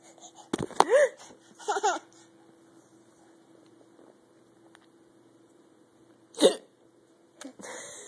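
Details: Mother's hiccups: several abrupt, sharp voiced bursts separated by quiet pauses, sudden involuntary gulping sounds.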